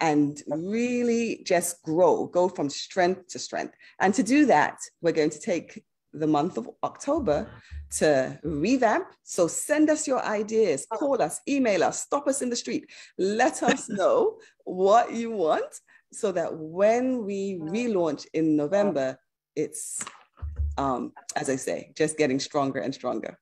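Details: Adult woman speaking; normal speech.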